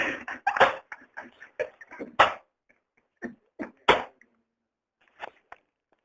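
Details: A British Shorthair cat sneezing repeatedly: a run of short, sharp explosive bursts, then a few quieter ones after pauses.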